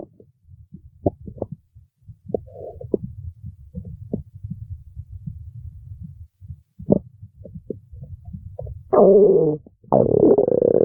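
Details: Low irregular gurgles and rumbles ending in two longer loud groans from a hungry stomach; stomach growling (borborygmi).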